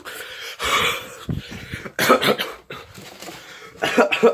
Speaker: excuse me I'm going to have a coughing attack am i coughing room and with my coughing life